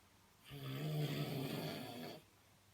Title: Snoring man - The revenge